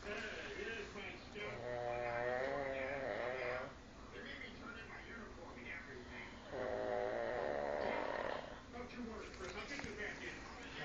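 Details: Two long, rattling inspiratory snores with quiet breathing between them, about eleven breaths a minute; ordinary snoring.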